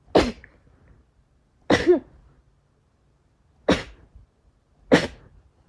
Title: sneeze 31-40